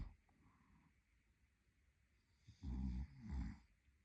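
Quiet breathing, then two loud, low rumbling snores in close succession from a sleeping adult.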